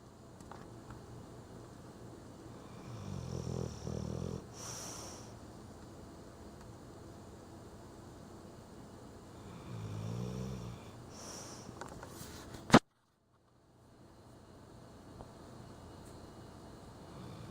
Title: Lazy Dog Does The Snoring